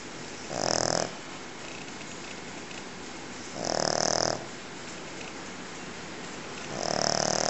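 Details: Pekingese dog snoring very loudly: loud rasping snores roughly every three seconds, about 20 a minute, over steady background hiss.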